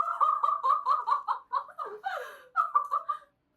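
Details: A 16-year-old girl with Tourette syndrome and FND, tics since about age seven, gives a rapid run of high, bird-like clucking and chirping calls, a vocal tic.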